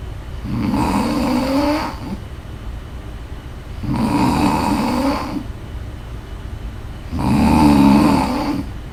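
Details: Loud, rattling snores on each inhalation, about 18 breaths a minute, over steady background noise; snoring during sleep.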